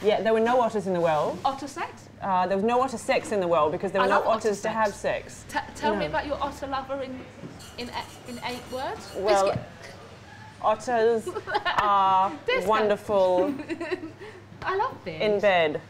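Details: Adult woman with Tourette syndrome producing repeated word vocal tics such as "biscuit" during an interview: vocal tics (Tourette syndrome).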